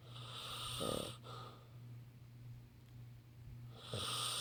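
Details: Sleeping Labrador dog snoring: brief snorting snores over a steady hum and hiss of room noise.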